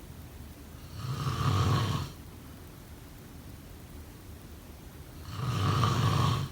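Two loud, rattling snores about four seconds apart, each about a second long, with quiet breathing between; snoring during sleep.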